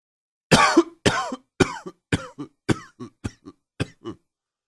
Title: Coughing 33